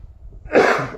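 A single sharp, harsh burst after quiet room noise, a cough from an adult with a cold.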